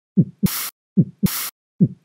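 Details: Simulated heart sound near 73 beats a minute, part of a teaching set of murmur audio samples, with a blowing murmur starting right after the second sound; early diastolic murmur.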